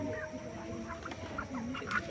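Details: Chicken with a cold (snoring/ngorok), one of two affected birds: short clucks and chirps over a rough, rattly undertone of noisy, congested respiratory breathing.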